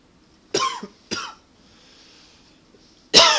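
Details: Not a coughing fit but a persistent tickle, attributed to allergies and partly smoking: three short, dry single coughs spaced apart in a quiet room; tickly irritative cough.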